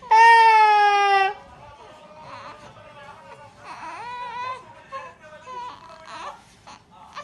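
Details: Infant girl crying after tummy time, wanting to be held: a loud sustained wail, then softer fussy whimpering cries, with an adult talking in the background.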